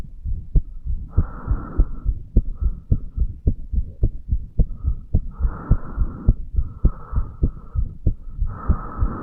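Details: Heartbeat of a 35-year-old male recorded at the mitral (bicuspid) valve area: steady thumps at roughly 105 a minute with a soft whooshing hum between beats. A brief irregular beat is reported elsewhere in the recording.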